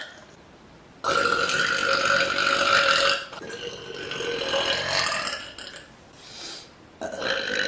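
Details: Woman on a couch gives three long, loud, drawn-out belches lasting several seconds each; repeated burping.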